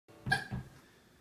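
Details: A single abrupt, short, voiced catch of breath with a brief echo after it, during singing of a worship song; a hiccup.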